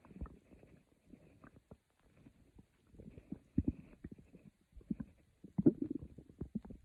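Quiet, irregular gurgles and low bubbling rumbles: ordinary stomach growling, normal bowel sounds.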